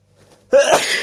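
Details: Male with allergies: a brief intake of breath, then one loud explosive sneeze during a bout of repeated allergic sneezing.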